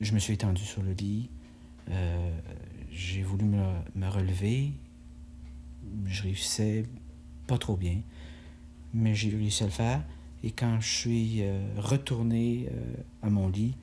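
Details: 38-year-old man with a cerebral hemorrhage from a left-hemisphere arteriovenous malformation, leaving right-sided paralysis and inability to express himself. Aphasia with non-fluent speech.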